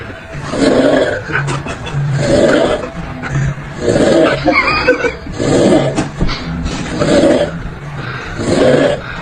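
Loud, rough, rhythmic snoring with a raspy sound, about six snores in nine seconds, steady and repeating with each breath.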